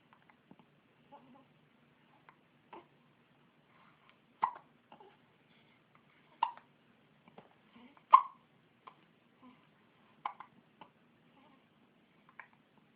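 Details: Person with hiccups: brief, sharp, quiet gulping sounds recurring every second or two in a quiet room.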